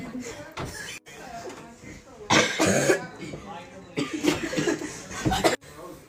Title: Everyone coughing😭